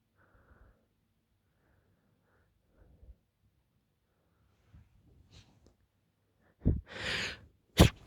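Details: Quiet sniffs and catching breaths, then two forceful sneezes close together; a hay fever sneezing fit during rising pollen levels in Greece.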